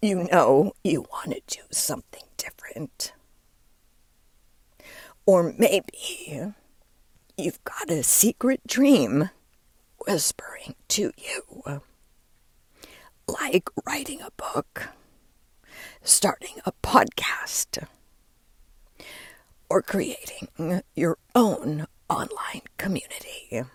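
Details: Adult woman with diagnosed spasmodic dysphonia, which she links to stress; onset when her voice started to go and words barely came out while speaking at an event; still present and still being worked through; spasmodic dysphonia.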